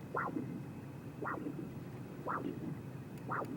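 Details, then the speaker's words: Crisp, regular Doppler pulses with a sharp rise and brief follow-on sounds, recorded deeper in the distal superficial femoral artery during a lower-extremity arterial duplex exam, with gain raised and peak velocity about 71: a normal triphasic arterial Doppler signal. "what I'll do before I leave here is actually get another Doppler signal and make sure it's nice and normal"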